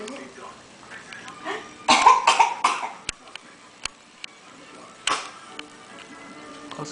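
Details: Deliberately faked voluntary cough: a quick run of three harsh bursts, then one more.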